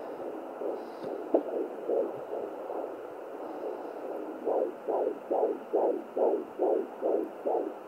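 Rapid, regular whooshing pulses from a fetal Doppler at about 143 beats a minute, a normal fetal heart rate.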